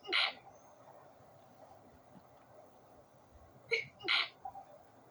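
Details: Three sharp, explosive sneezes with quiet room noise between them, recorded at night with the window open; more sneezes followed unrecorded. A sneezing fit.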